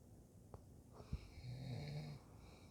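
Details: A single low, rattling breath sound over a quiet room; snoring.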